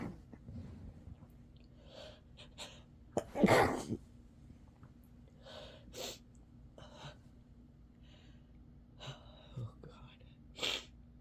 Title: Sick sneezes again